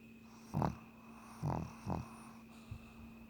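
Low rattling snorts with each breath from a sleeping dog, steady hum in the background; ordinary snoring.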